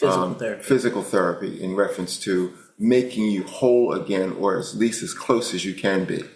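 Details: Adult male speaker; normal speech.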